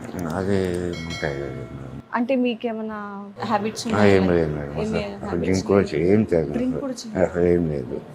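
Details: 48-year-old man with tongue cancer treated with surgery, lymph node removal and radiation; speech changed after the operation; articulation disorder after tongue cancer surgery.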